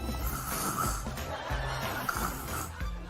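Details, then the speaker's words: A child imitates their father's very loud snoring as he falls asleep while the child reads to him: imitated snoring, not a real recording. "But he snores very loud. It sounds like this."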